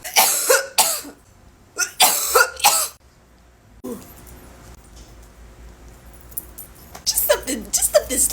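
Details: Bursts of harsh, explosive coughing with throat clearing after smoke inhalation, then after a pause another run of coughs.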